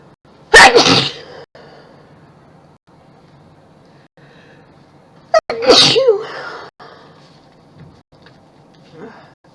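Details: Messy sneezing: two loud, explosive sneezes several seconds apart, each a sharp intake followed by a forceful burst.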